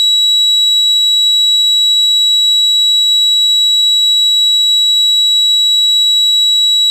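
Steady, piercing high-pitched ringing with no breaks, a simulation of tinnitus.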